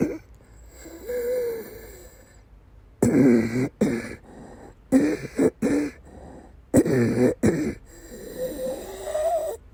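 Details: Woman during days of persistent asthma attacks with migraine-cluster headache complex: clusters of harsh coughs between long whistling, wheezy inspirations, fitting narrowed airways; coughing with wheeze.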